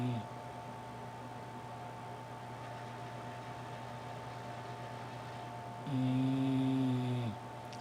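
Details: A female English Bulldog sleeping with eyes open in her new bed, refusing to wake up: steady room hum, then one loud, buzzy, low snore over a second long.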